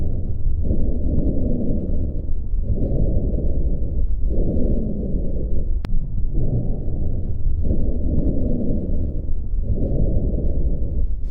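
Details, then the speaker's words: Rhonchi (roncos) from secretions in narrowed airways, as in pneumonia, bronchitis or bronchiectasis: low-pitched snoring rumbles through six breaths, about 32 a minute, heard in inspiration and expiration, changing with cough; posterior/anterior thorax examination. "ocorrem em consequência da passagem do ar por estreitos canais repletos de líquidos e secreções quando a produção excessiva de muco como na pneumonia na bronquite ou na bronquiectasia as doenças são frequentemente associadas à roncos"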